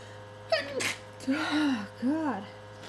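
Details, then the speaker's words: Person sneezing at the tail end of a prolonged allergy attack of unknown cause: a sharp in-breath and an explosive sneeze, then two drawn-out groans; allergy-related sneezing. "I don't know what is making me sneeze, but my allergies are insane."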